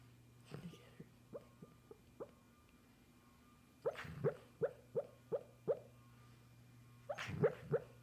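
A series of short, soft puffing and whimpering noises, about 160 a minute in bursts, from a dog during sleep.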